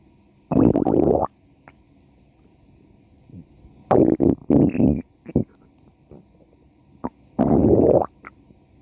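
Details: A woman's stomach growling: irregular low gurgling and rumbling bursts with quiet gaps; normal borborygmi.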